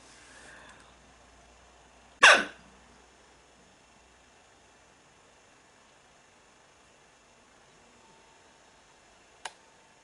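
One sharp hiccup in a quiet room, followed by a faint small click later.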